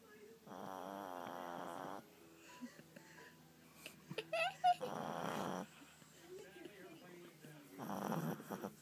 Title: Pug Snoring